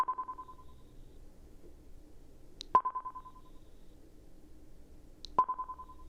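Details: Simulated pure-tone audiometry in a role-played ASMR hearing test through headphones: three brief, steady mid-pitched beeps at irregular intervals over quiet hiss; listener raises hand on hearing each tone.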